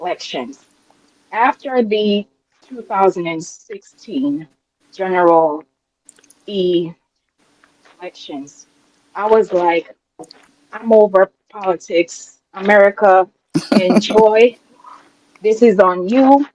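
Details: Adult woman with a self-reported speech impediment she calls a "quote unquote disability" and says listeners can hear; speech impediment.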